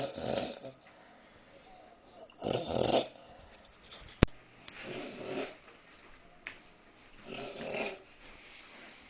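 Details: Dog fell asleep while eating a midnight snack of green beans: rhythmic rattling snores, about three breaths over nine seconds, quieter outbreaths between; ordinary snoring.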